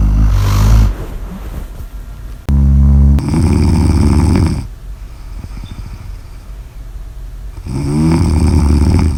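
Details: Loud, coarse, vibrating snores repeating with quieter breaths between; heavy snoring.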